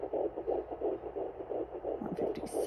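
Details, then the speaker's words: Fetal heartbeat at 10 weeks 2 days pregnant on a Sonoline B home Doppler, probe low on the belly just above a c-section scar: fast, regular whooshing pulses, reading adjusting to 150–159 beats per minute. "so it looks like it's not reading correctly but you can definitely hear it because my heart rate is not that fast so yes you can pick up the heart rate super early with these dopplers"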